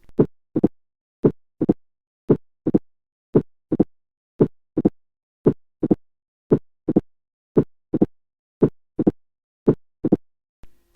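Slow, regular paired heart sounds; a sharp, crisp snap follows closely after the second sound, typical of mitral stenosis.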